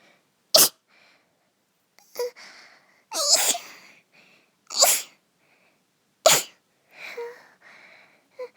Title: Anime Girl Cute cold sneeze